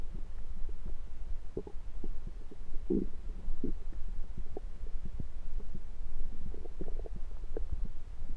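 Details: Bowel sounds (borborygmi) of a rumbling stomach recorded with a USB stethoscope: low gurgles and rumbling bubbling sounds coming and going irregularly, ordinary normal bowel sounds.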